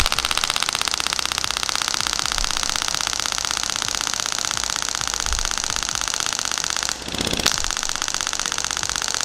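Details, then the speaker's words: Compression shock wave therapy device, 600-shot preselection, malfunctioning with occasional missed shots, projectile likely worn: rapid regular machine-gun-like clicking about four shots per second with a brief break in firing. "So by the way, this is not functioning properly because actually I can feel that every now and then is missing shots, so to speak. Very likely the bullet has had it."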